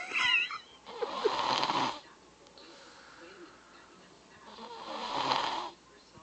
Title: 3yr old baby snoring